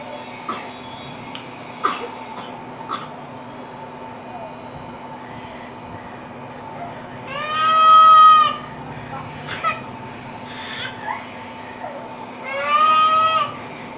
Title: Anak menangis dengan batuk